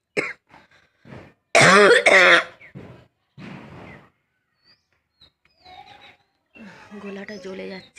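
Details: Adult with a cold and real cough, recorded on a rooftop for a coughing challenge: harsh, voiced coughs and throat clearing with a few spoken words and sighs.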